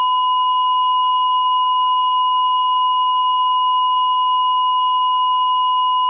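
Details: Simulated cardiac monitor sound effect: a continuous, unbroken flatline tone with no beeps, the asystole alarm.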